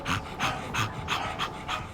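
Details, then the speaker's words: A pet dog with suspected tick paralysis, being examined by a vet after a suspected object in the mouth, breathes in quick, heavy, huffy puffs: labored breathing. "he's breathing quite heavily he's sort of making a bit of a huffy noise"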